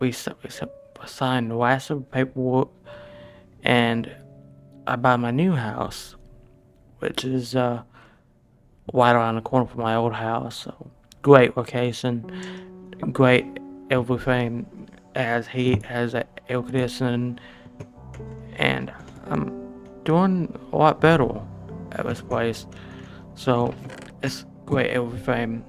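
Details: Adult male with a speech impediment present since birth; had speech therapy as a child but did not continue it; articulation disorder (speech impediment).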